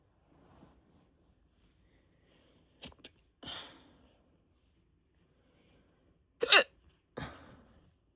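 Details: Adult with hiccups after drinking a few beers: a handful of abrupt, short gulping catches with quiet gaps between them; typical hiccups.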